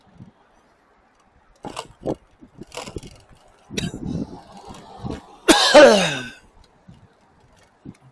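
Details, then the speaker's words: Adult man riding a shared bike at 9 PM in chilly night air, coughing nonstop: a few short coughs and throat clears, then one harsh forceful dry cough. Faint road noise. He wonders about a cold or daytime air conditioning; nose is clear. "还太冷了，还是感冒了，不停的咳嗽，什么情况？哎呀，什么情况？干咳。哎，咳的不行。"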